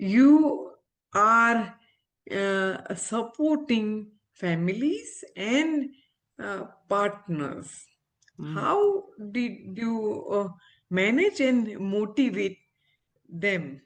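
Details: Aphasia after stroke in an adult woman, an ophthalmologist, who had the stroke after delivering twins seven years ago; recovering speech with speech-language pathologists, communication still hinders her.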